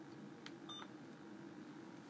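A short electronic beep, then a second tone, against quiet room hum, from a PCA infusion pump keypad during dose selection.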